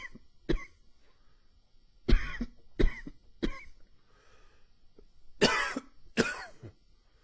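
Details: Adult with a wheezy cough attributed to changing weather and spring pollen: six harsh, separate coughs with a tight, slightly whistling edge.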